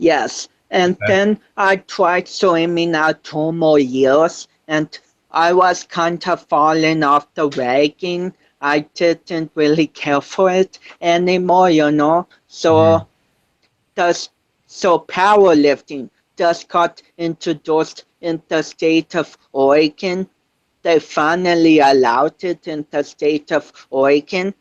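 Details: 25-year-old man with cerebral palsy since birth, which he says affects his balance, coordination and speech; doctors had told him he would never walk; real speech; dysarthria.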